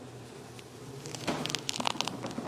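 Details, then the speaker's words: Faint crackling clicks and creaks from an adult's knee bending slowly under load during a leg exercise, attributed to worn cartilage with age, over room hum; knee crepitus. "I don't know if you hear that. That is crepitus. That is the joint surface being not as fresh with cartilage as it used to be."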